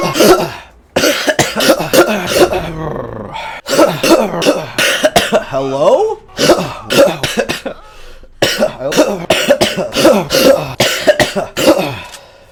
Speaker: Cause I do have COVID, and uh *COUGHS* Probably gonna do that a lot I'm gonna try not to cough As much as physically possible